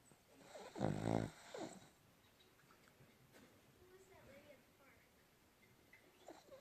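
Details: A loud, rattling snort near the start, then a softer one, then quiet breathing with faint snuffles: snoring in a sleeping pet.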